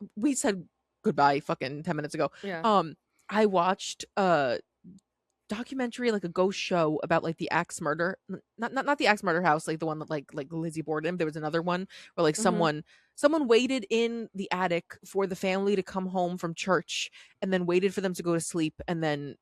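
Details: Woman with a self-described speech impediment who stutters without realizing it, speaking conversationally; stuttering.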